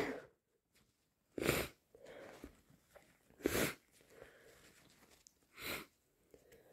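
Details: Three forceful, wet cold sneezes about two seconds apart, with sniffs and nose noises between them.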